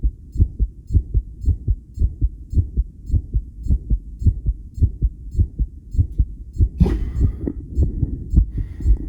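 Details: Adult self-recorded with homemade electric stethoscope while on a 10-lead ECG suction electrode machine after regulated breaths: strong, fast heartbeats around 107 a minute, mostly steady with some irregular timing, faint machine beeps and rustling; tachycardia with extrasystoles.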